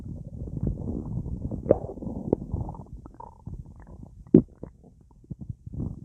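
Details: Full, gassy belly after a big meal eaten with a drink: low bubbly gurgling rumbles with a few sharper pops, active bowel sounds (borborygmi).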